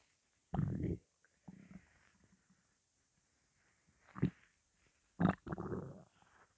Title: Morning hunger